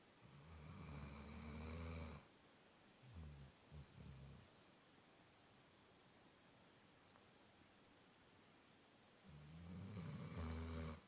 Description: Our dog Sampson was worn out and he was laying on the bed snoring like an old man!